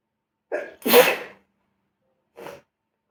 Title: Sneezing at smooking